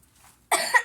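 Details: Child with a cough doing a bedtime routine: a single short, loud cough burst after a quiet moment; cough.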